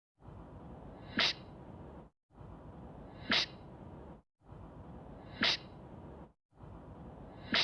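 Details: Looped sneeze sound effect: the same sharp sneeze burst repeats four times, about every two seconds, over a steady hiss.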